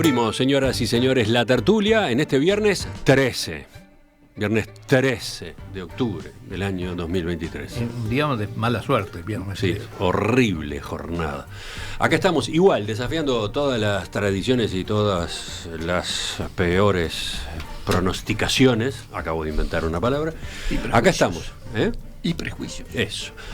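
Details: Adult male speaker; normal speech.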